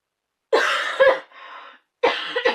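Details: Adult in a brief coughing fit: harsh, hacking coughs with a raspy in-breath between them.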